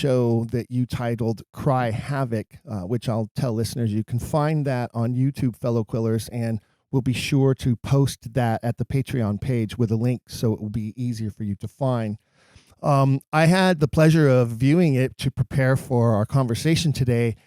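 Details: Adult male speaker; typical speech.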